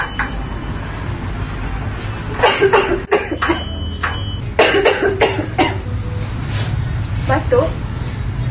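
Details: Acted, simulated persistent cough: bouts of repeated harsh coughing in clusters over steady room hum.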